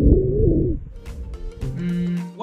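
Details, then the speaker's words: Simulated virtual-patient chest auscultation of a 12-year-old boy with asthma diagnosed three years ago, breathing difficulty for the past hour, and suspected asthma exacerbation: high-pitched, musical, continuous wheezing, mostly on expiration, from narrowed airways. "specifically we heard wheezing these are high pitched musically continues sounds that are mostly hurt over expiration because that's the moment with the air pass through narrower airways"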